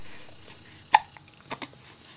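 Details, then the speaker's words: Hiccups in a baby boy, filmed outside the womb, who is smiling and doesn't seem to mind them: one sharp, abrupt hiccup, then two softer catches in a quiet room. "you got the hiccups little man yeah you got the hiccups they're not fun but you don't seem to mind them"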